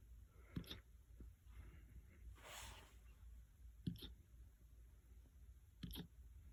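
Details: Puppy hiccups: three sharp, brief, evenly spaced hiccups with a soft breath between them in a quiet room.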